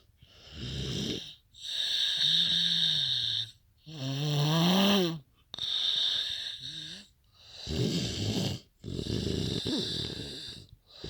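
Loud, rattling snores with each breath in and a whistling tone on some breaths out, about six breaths in eleven seconds, roughly 32 a minute.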